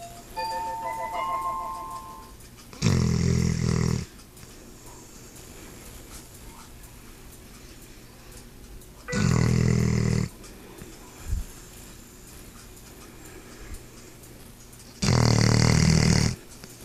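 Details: Sleeping dog snoring: three loud, low, rattling snores about six seconds apart, with faint background sound between.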